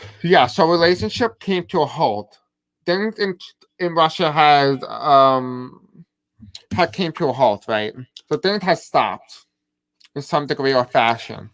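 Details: Deaf man with a self-described deaf accent and difficulty pronouncing certain words; deaf speech.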